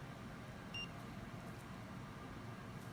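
A single short electronic beep over low room hum, an infusion pump confirming a menu selection during set-up.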